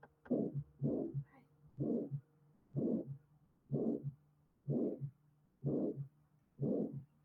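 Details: Regular heartbeat near 62 a minute with a loud diamond-shaped, rising-then-falling murmur filling systole: aortic stenosis ejection murmur, heard best at the aortic area and apex.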